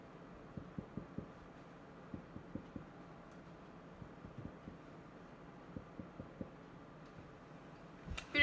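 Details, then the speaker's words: Simulated respiratory assessment: chest percussion between intercostal spaces over the back, heard as repeated light tapping in pairs and short runs, with resonant notes and no dullness. "we're actually gonna pick us and see if we can hear any dull sounds or any um abnormal noises so you do this in-between intercostal spaces we also do that at the back as well"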